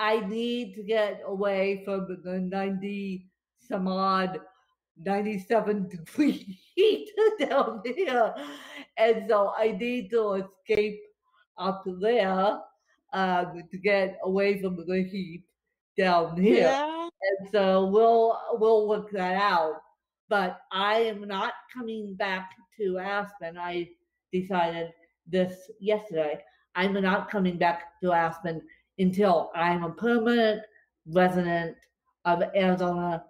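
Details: Adult woman with cerebral palsy affecting limbs and brain, speech worse after a bad spasm day; dysarthria (cerebral palsy)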